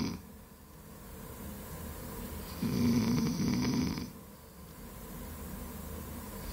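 A low rumbling snore swells for a second or so above steady room noise, with fluttering vibration on the breath.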